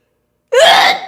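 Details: Celebrity sneeze from a compilation: a single short, high-pitched sneeze burst after silence; an ordinary sneeze.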